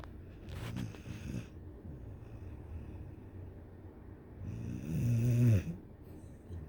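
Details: Low rumbling snores with a louder, buzzing snort near the end, from a 1-year-old dog sleeping against its owner; a dog snoring.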